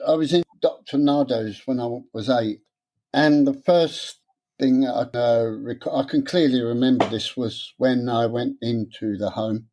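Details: Adult man who has stammered since about age seven, with onset after childhood trauma (his parents' deaths); after a three-day therapy course teaching a breathing technique he still gets stuck on some words and swaps words. Stuttering (stammer).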